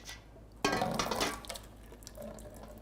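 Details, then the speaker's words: Horse nasogastric intubation: after water is pumped through a metal pump into the stomach tube, a sudden gush of fluid trickling into drips as stomach contents siphon back out the disconnected tube. "you don't always get a siphon right away like that something that you can try to do is just put a little pressure on the tube and try to start to get feed contents from the stomach"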